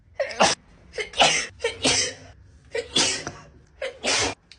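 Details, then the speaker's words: Girl with allergies who says she sneezes about 40 times in a row, counting her sneezes: a run of about five forceful sneezes, each after a quick breath in; repeated allergic sneezing. "I sneeze like 40 times in a row, I swear to God."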